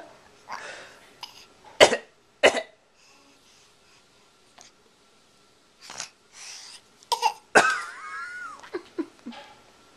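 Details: A child gives several short, forced coughs mixed with breathy laughter, a voluntary fake cough, recorded on a Flip Video camcorder.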